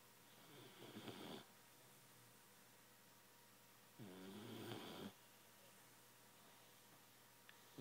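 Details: Young dog snoring in sleep: two rough, rattling snores about three seconds apart over a quiet room hum.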